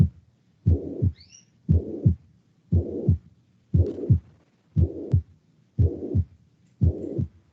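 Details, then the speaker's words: Mitral regurgitation murmur audio played in a lecture on acyanotic heart disease: regular heartbeat about 58/min with a continuous whooshing murmur filling the gap between heart sounds. "este doctor wang xi dispuse un audio como dónde cómo sonaría el soplo a un lobo qué bonito no sé si se escucha"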